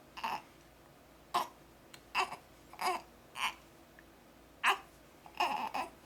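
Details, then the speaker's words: Baby boy with hiccups, fussy about being burped: seven short, abrupt vocal catches about a second apart, each a brief gulping squeak. "oh M you got the hiccups are you getting mad are you angry you got a burp"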